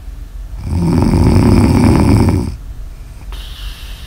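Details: Snoring ASMR audio recording: one loud, harsh, fluttering snore lasting about two seconds, followed by quieter breathing; snoring.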